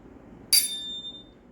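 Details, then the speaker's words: A single metallic strike, then a clear fading high ring: a tuning fork set sounding during an ear exam for a Rinne test, right after a Weber test, in an advanced health assessment; the patient's hearing is judged very good. "now I'm gonna do the Weber test are you hearing the sound yes I am okay okay good now to the Ryan test"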